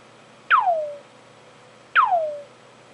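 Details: Crystal Probe SG04 surgical gamma probe for sentinel lymph node detection: acoustic count signal of two falling whistling tones about 1.5 seconds apart, during a demonstration of tungsten detector sleeve side shielding.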